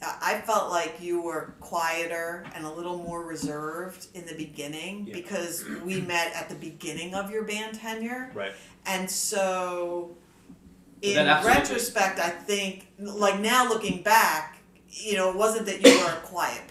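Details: Adult woman speaking; no speech disorder.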